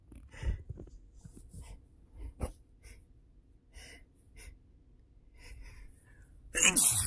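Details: Quiet sniffing breaths, then one loud, sharp sneeze from a person allergic to their own dog after sleeping snuggled with her all night; allergic sneezing (allergic rhinitis).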